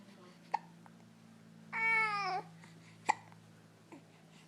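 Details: Child with hiccups: two abrupt hiccup catches around a short babbling vocal sound, with a steady hum in the background.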